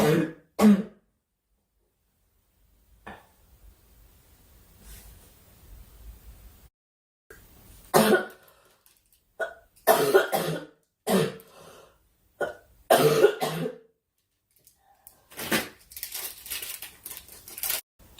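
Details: Girl coughing during a live stream, wishing aloud for the cough to stop: several short, sharp coughs and throat-clearing sounds in irregular bursts with quiet gaps; repeated dry cough.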